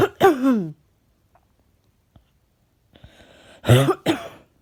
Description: Something stuck in my chest, feeling out of breath today. Sniffing & Coughing